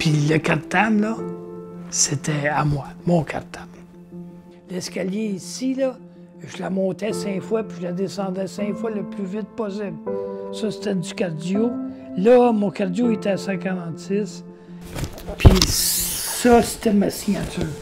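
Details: Adult man with aphasia after a stroke that left his right side paralysed, speaking in French; aphasia.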